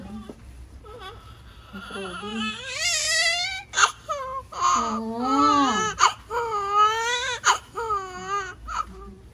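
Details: Loud, high-pitched crying in repeated wails with gasping breaths between, from a newborn baby girl just after a normal vaginal delivery at a lying-in clinic, born at 6:50; a vigorous normal newborn cry.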